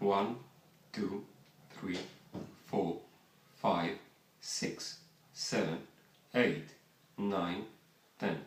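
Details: Adult man counting one to ten after about seven integrated voice therapy sessions, bilateral vocal fold paralysis diagnosed 8 years earlier after thyroidectomy; voice strained and harsh before therapy, reported fully functional now; bilateral vocal fold paralysis, voice after therapy.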